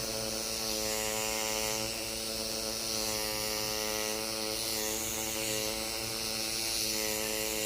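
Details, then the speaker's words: Microneedling pen running over the posterior neck, under the ears and along a lateral line during neck rejuvenation with stem cell growth factors: steady electric buzz and hum. "I really try to make sure that when I'm doing the neck we're doing the posterior neck as well and underneath your ears and we do a lateral line"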